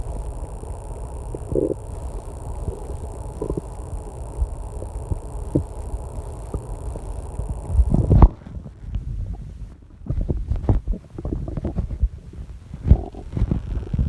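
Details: Stomach growling during online testing in a quiet room: low rumbling and gurgling bursts against steady air-conditioner hum and a loud clock; loud, persistent growling, a normal digestive sound.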